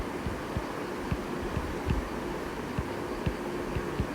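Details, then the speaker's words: Atrial myxoma of the left atrium blocking flow to the mitral valve: regular low-pitched heart thumps over steady hiss with an extra dull, low-pitched tumor plop, heard with the stethoscope bell. "plop sound, which is a low pitch sound. Okay, we can hear it by the bell of stethoscope, right? It's a low pitch sound."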